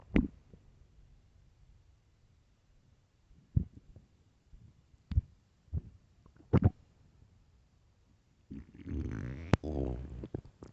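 Low gurgling rumbles and short pops, ending in a longer loud growl; ordinary stomach growling.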